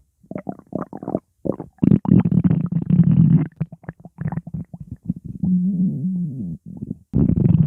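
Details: Stomach growling: loud bursts of gurgling and rumbling with a drawn-out squealing growl from gas and fluid moving through the gut; ordinary borborygmi.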